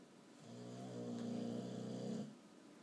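A single drawn-out, buzzing, tonal breath sound lasting about two seconds, typical of a snore.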